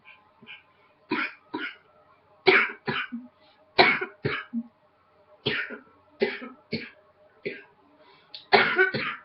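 About a dozen sharp, dry coughs in short bursts of two or three, with brief pauses between bursts. Repeated coughing.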